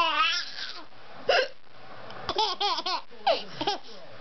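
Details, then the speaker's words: Mother with hiccups while her child laughs: several short, abrupt voiced catches break up laughter and babbling, fitting hiccups. "I get the hiccups and Charlie thinks it's very funny."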